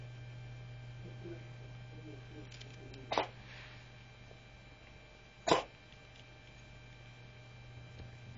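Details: Two short, sharp expulsive bursts from a cat, coughing as if bringing up a furball, owner unsure; cat cough (possible hairball).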